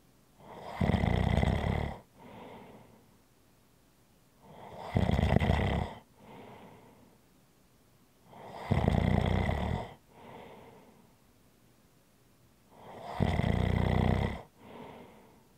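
Regular loud rattling snores on breathing in, each followed by a softer breath out, about 14 breaths a minute.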